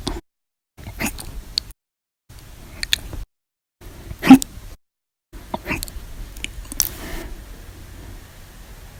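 Short, sharp, abrupt gulping catches in the throat, several spaced a second or so apart, fitting repeated hiccups.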